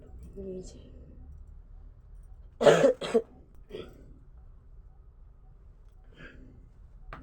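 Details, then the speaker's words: Two harsh coughs in quick succession from an adult with a cold and hoarse, broken voice, just woken up, in a quiet indoor room. "জানি আমার গলাটা কেমন sound বসে বসে গেছে গলা ভেঙে গেছে আমার হাতে ঠান্ডার"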